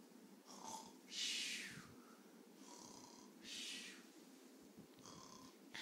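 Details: Snoring from a person called daddy, with a child nearby: soft, breathy snores with a whistling, hissing quality on each breath, about 26 a minute, over steady room noise.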